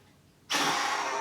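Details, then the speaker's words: Asthma review in a GP surgery; the adult patient reports airway irritation since flu eight weeks ago. Standing, they give one sudden, hard, sustained forced exhalation into a peak flow meter; a repeat blow read 590. "so the other thing we'll do while you're standing up is do you remember how to do this Pig float yeah so hard and fast flow please"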